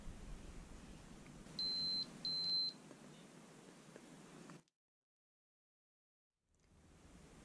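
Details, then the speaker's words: Two short high-pitched beeps from a FreeStyle Lite glucose meter, signalling enough fingertip blood on the test strip, over room noise; reading 5.1; blood glucose meter beep. "make sure you have enough blood so it tests properly and how you know there's enough blood is when it beeps"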